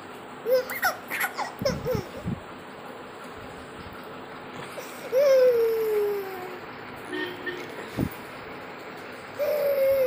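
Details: Infant crying during a power cut in Mumbai: short whimpering fusses, then drawn-out falling wails; ordinary unsettled crying.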